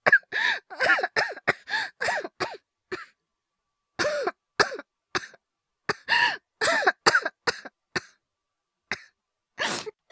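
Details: Acted cough by a male voice actor, part of a wordless cough/illness/hyperventilation voice collection: repeated short, harsh coughs in clusters with brief pauses.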